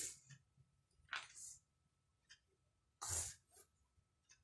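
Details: 5-year-old child with a common cold, coughing while playing with wooden blocks: two short, harsh coughs with soft breathing and wooden block clatter between them.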